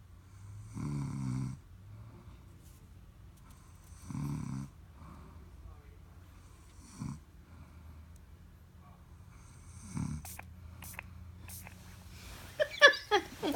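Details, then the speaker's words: A sleeping woman whose snoring has not improved, according to a companion, gives loud rattling snores about every 3 seconds, then fainter irregular breathing and clicks in a quiet room: snoring. "She asked me, was her snoring getting better? Heck no. That's why I be trying to go to sleep first."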